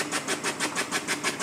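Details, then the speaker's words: Demonstration of a high-frequency oscillatory ventilator, six breaths per second: rapid, even chugging pulses at about six per second as the ventilator runs. "so you can see we're getting one two three four five six six breaths per second"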